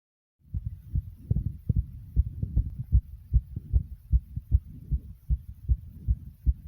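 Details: Person's own heartbeat recorded beating fast, "like a racing horse"; rapid heartbeat (tachycardia).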